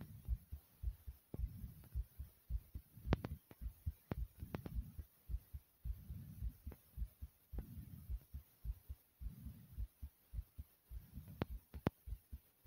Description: i jumped in place for a few minutes to try to get my heart to race the way it did.